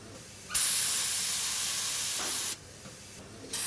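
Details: Suction unit running during physiotherapy training demonstration of endotracheal tube suctioning (closed and open sterile techniques) on a mannequin: loud steady hissing rush of air lasting about two seconds.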